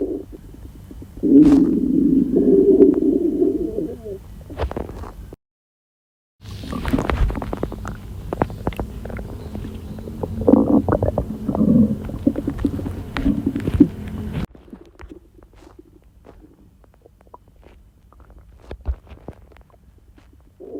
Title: Diarrhea stomach noises..